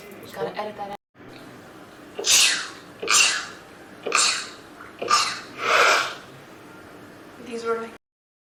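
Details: Girl sneezing rapidly: five sharp, breathy sneezes in quick succession, each with a short intake before it, then a brief vocal sound; a rapid run of sneezes.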